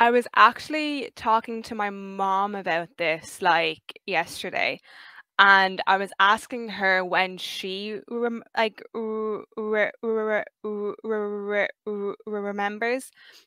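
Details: 23-year-old who has stuttered since age five; stuttering.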